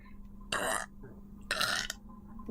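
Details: A female VTuber giving two short, loud burps in quick succession over a faint steady electrical hum.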